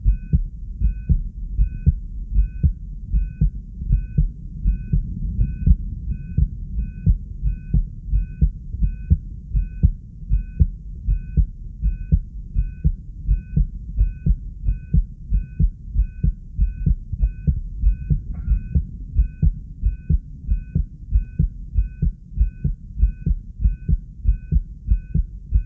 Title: Heartbeat sound (exited) + 3 lead subj.-b1